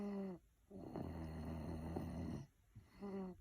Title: Mama’s not the only one who snores!